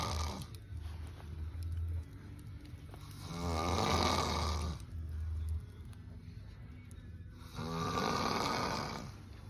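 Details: Man snoring: deep, rough snores about fourteen times a minute against a steady low hum; typical snoring.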